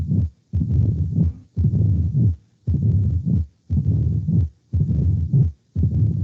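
Regular low-pitched rumbling bursts at about 58 a minute, each separated by brief quiet, consistent with the diastolic rumble of mitral stenosis.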